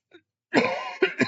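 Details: A single harsh cough followed by two short throat-clearing bursts from an adult teacher with a hoarse throat during a chemistry lecture; cough.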